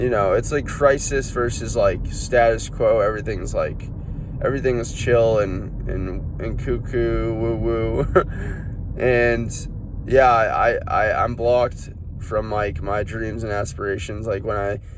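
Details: Adult man, no diagnosis given, self-reports stuttering his words while feeling physically unwell with head burning and foot pain; he suspects cerebrospinal inflammation: stuttering (self-reported).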